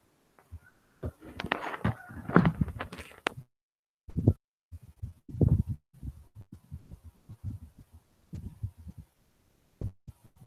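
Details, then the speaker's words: Mitral stenosis murmur played in a cardiology teaching seminar: after a burst of noise, low heart thumps with a faint low diastolic rumble between beats. "so next we move on to the mitral uh stenosis heart sound"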